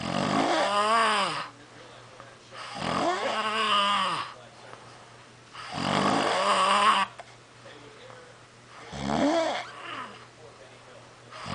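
Loud, rattling voiced snores on each breath, about 20 breaths a minute, with quiet pauses between.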